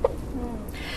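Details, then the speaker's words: Single sharp, voiced "hic" then quiet room noise from a teenager with persistent hiccups lasting 10 weeks, continuing except in deep sleep; described as diaphragm spasm; persistent hiccups. "dr brian hope obviously we can see and hear the hiccups there i mean what are hiccups we don't normally hear of them being so prolonged do we"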